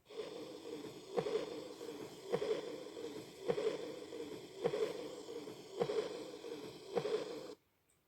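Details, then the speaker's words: Aortic regurgitation heard with stethoscope at the 4th or 5th intercostal space: regular heartbeat about 52 a minute with a soft early diastolic murmur. "طبعا نرجع نسمعكم صوت الاورتيك اجيتيشن، المرمر اللي يصير بيها، واللي هي صنفناها من ضمن، نرجع نكرر نقول ان صنفناها من ضمن الايرلي دايستوليك مرمر."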